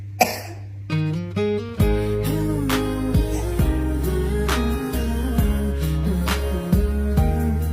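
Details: One short cough from a child, which worried a golden retriever, then music fills the rest: cough.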